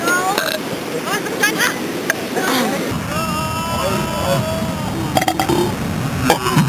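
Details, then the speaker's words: Long, low, rumbling burp at the beach after drinking Sprite, trying deliberately to burp, heard through outdoor noise and nearby talk; belching, said to relieve cramping. "I'm determined to get a good burp cuz every time I burp good it doesn't get on camera"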